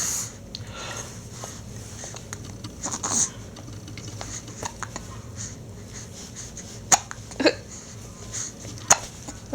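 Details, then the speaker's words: Sharp, abrupt hiccups from an infant boy almost seven weeks old, a few spaced irregularly over several seconds, with a parent's voice and room noise; ordinary infant hiccups. "oh they're so loud yeah they're really loud aren they they annoying"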